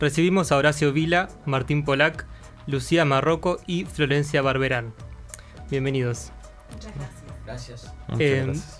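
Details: Adult male radio host; typical speech.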